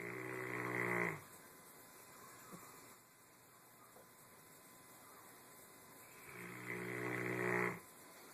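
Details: Dog snoring: two loud, deep, rattling "fog horn" snores about six seconds apart, each a long buzzing inhaled noise with quiet breathing between.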